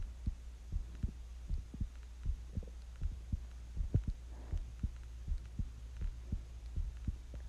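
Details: Own heartbeat recorded while sick with the flu, breathing also heard: soft paired lub-dub thumps at about 79 beats a minute over a steady low hum; resting-rate heartbeat.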